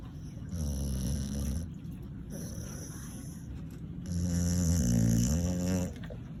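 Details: Blue Heeler (Australian cattle dog) snoring while asleep: deep, rattling, buzzing snores on each breath, two long loud cycles with quieter breathing between.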